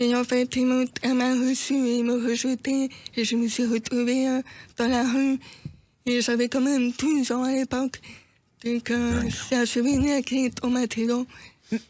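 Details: Deaf speech in a deaf woman who says she cannot fully hear herself to correct her voice and pronunciation.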